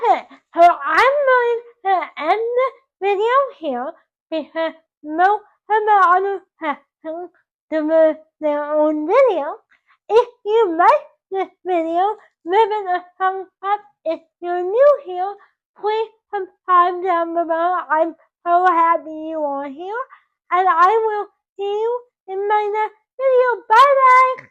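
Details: Dysarthric speech in a 24-year-old woman with cerebral palsy caused by loss of oxygen to the brain at birth; doctors told her parents she would never talk, and she now talks.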